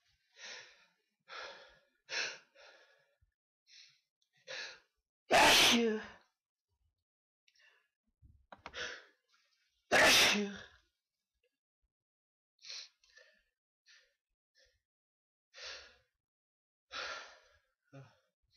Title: Sneezes